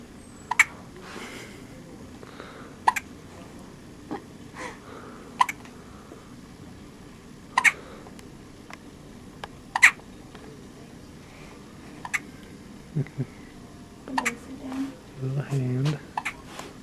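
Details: Newborn girl, day two after birth, sleepy: sharp little hiccups recurring steadily, about 26 a minute, with brief fussing near the end; infant hiccups.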